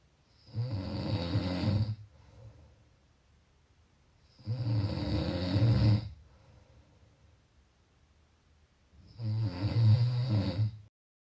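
Loud, low, rattling snores on each breath in, three in 11 seconds (about 16 a minute), with quiet breathing out between; typical snoring.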